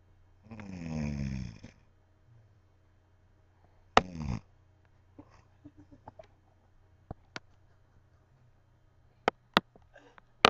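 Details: Woman snoring loudly: a long, rough inspiratory snore, then a shorter one, with scattered clicks and light room noise between; snoring.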